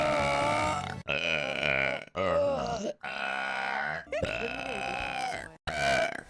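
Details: Burp compilation clip: a series of about six long, drawn-out, resonant voiced burps separated by brief pauses.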